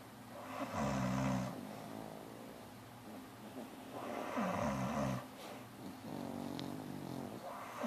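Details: Two sleepers snoring: low rumbling snores on each in-breath about 2 seconds apart, quieter out-breaths; ordinary snoring.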